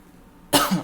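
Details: Adult who is sick with a sore throat: a single short, harsh cough or throat clear after a brief quiet pause.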